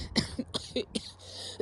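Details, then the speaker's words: Woman with a sinus infection, living in a van, coughing painfully and constantly: a run of four or five short, dry coughs with throat clearing in a small room. "Anyway, it's just very painful to have to uh have to cough and crap like not crap like poop, but it's just crappy having to cough all the time."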